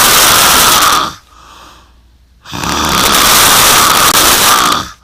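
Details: Very loud, harsh, rasping snores on each breath with brief quiet gaps between, recorded close up; snoring.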